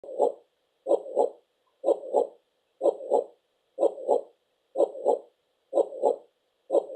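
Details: Steady regular lub-dub heartbeat, paired thumps at about 62 beats per minute.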